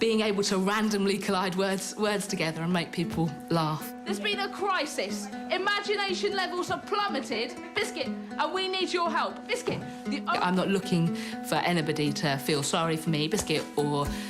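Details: Tourette syndrome vocal tics in an adult woman with complex vocal and motor tics, involuntarily repeating the word "biscuit" hundreds to thousands of times daily.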